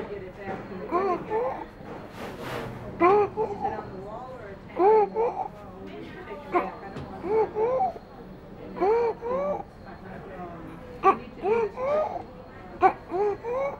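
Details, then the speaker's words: Boy with stridor: harsh noise when breathing in, indicating stridor. "we heard a harsh noise when was breathing in therefore we decided that does have stridor"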